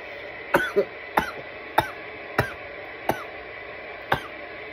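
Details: Coughing fit after smoking from a bong: a run of six short, sharp coughs about once a second over steady background hiss; irritant cough.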